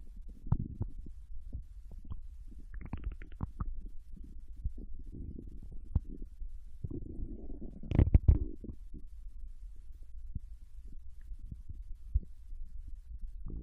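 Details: Japanese girl's abdomen digesting ramen and potato chips: soft gurgles, bubbling and scattered pops, ordinary bowel sounds.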